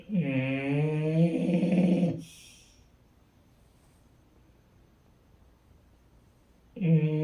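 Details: Loud, droning two-second snore with a brief airy release, a long quiet pause, then the next snore, from a sleeping woman: snoring.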